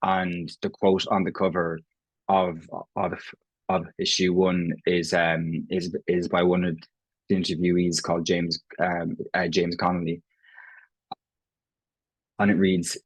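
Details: Irish adult man who has stammered since he can remember, self-identifying prolongations, repetitions and blocks; real, not acted: stuttering (stammering).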